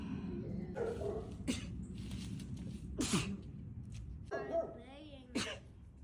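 A few sharp, explosive bursts of air with a quick intake before them, over low background rumble; sneezing.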